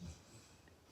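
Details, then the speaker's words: Dog snoring while resting, described as a loud habitual snorer: one brief, low, rumbling snort, then quiet room noise. "she snores so loud I think she sleeps with her eyes open sometimes because sometimes she snores and she's looking at me think I'm offending her"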